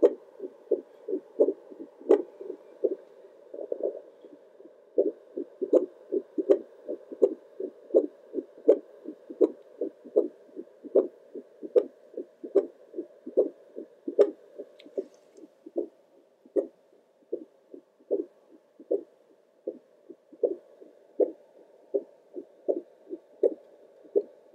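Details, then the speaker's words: Adult's own normal heartbeat heard through a Doppler heart monitor on the chest at about 78–80 beats a minute, steady whooshing pulses that sound louder with each big deep breath, recorded around 1 am while relaxing. "every time i take a big deep breath my heartbeat sounds so much louder"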